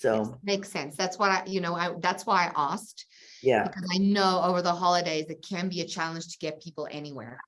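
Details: Adult woman speaking; normal speech.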